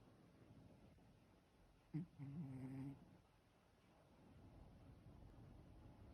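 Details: Ragdoll cat snoring when relaxed: a brief low rumbling snore over quiet room noise.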